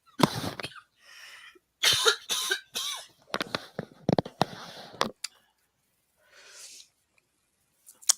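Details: Adult coughing, repeated coughing: a run of harsh, explosive coughs in quick bursts, then a quieter breath; cough with a cold.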